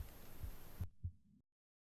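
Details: Adult heartbeat recorded on the left side of the chest for a relaxation reading: a few soft, low heart thumps, the first ones under a steady hiss.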